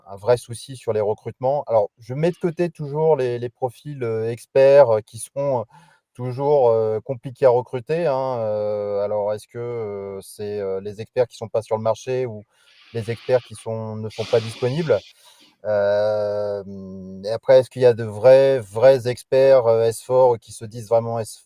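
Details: Adult male speaker; Normal voice.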